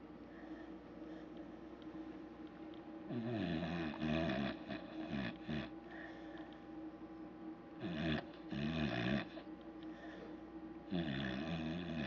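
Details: Loud dog snoring: a sleeping dog gives irregular rumbling, fluttering snores, three loud bursts over twelve seconds against steady room hum.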